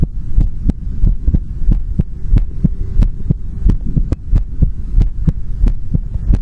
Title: ASMR Heartbeat Sound | Heartbeat Sound ASMR | 2022-02-16